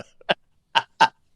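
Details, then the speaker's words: Cough from an adult who has had a chronic cough for years; doctors are still trying to find the cause, and the cough is loud enough to announce their arrival. "i have a chronic cough i've had it for years and the doctors are still trying to figure out but it tells on me you can hear me coming"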